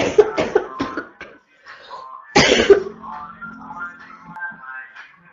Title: constant barking cough 2 (f)